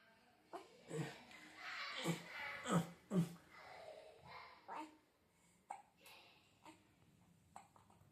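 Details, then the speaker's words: Newborn baby during burping: several brief, abrupt gulping sounds at irregular intervals in a quiet room, typical baby hiccups, with air in the tummy (aerophagia); a normal finding. "so these are typical hiccups in a baby okay and as you can see that sound is also sound of aeroasia and Air in the tummy"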